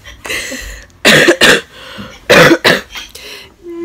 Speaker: sick, so sorry if you, like, hear that, my cough.